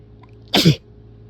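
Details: A single extremely forceful adult sneeze, a sharp explosive burst lasting about a quarter second.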